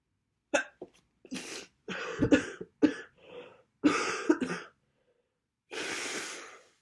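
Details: Person with a bad head cold with congestion, sniffling and sneezing: a run of about seven short, harsh coughs followed by a breathy exhale.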